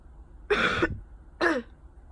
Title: summer cold coughing